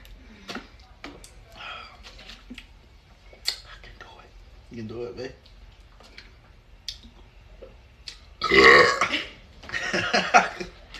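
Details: Drinking a Sprite without burping (challenge); quiet voice sounds and small noises, then two loud drawn-out burps near the end: burping.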